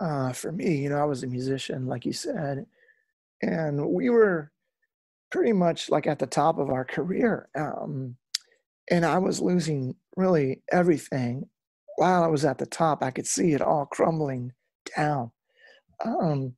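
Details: Adult male lead singer with incurable spasmodic dysphonia that began at the height of his music career and was first mistaken for hoarseness; he still struggles with it and says it is audible in his speech; spasmodic dysphonia.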